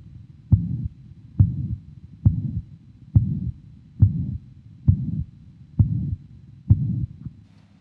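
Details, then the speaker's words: Young man with mitral regurgitation from prolapse, turned onto left side, stethoscope at apex: regular heartbeat near 69/min with soft third heart sound and no mitral diastolic murmur. "now there is a soft third heart sound which you sometimes get with mro gation but there's no diol murmur"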